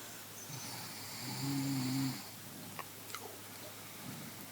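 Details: A single low, rattling snore in a quiet room, followed by faint clicks and breath noise; snoring.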